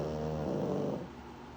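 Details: Pug snoring during REM sleep: a single low, rumbling snore from a sleeping flat-faced dog, fading as the breath ends.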